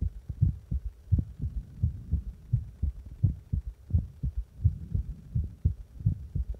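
Steady paired low thumps of a heartbeat, lub-dub, at roughly 86 beats a minute, over a faint low rumble.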